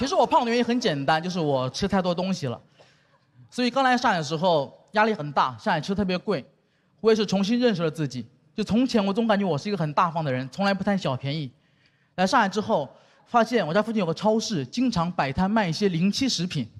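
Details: Adult speaker, stand-up comedy performance; ordinary speech.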